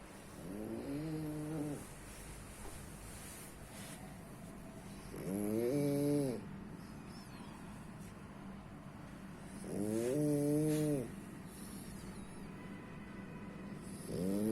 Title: My cutie snoring.